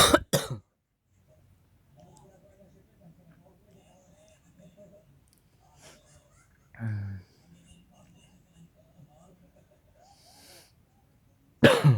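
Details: Sharp coughs at the start and end with a throaty clearing sound midway, over quiet room noise, from a person who has not yet slept: ordinary cough.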